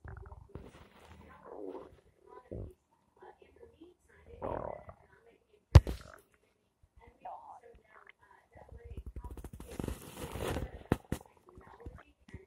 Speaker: My stomach's making noise.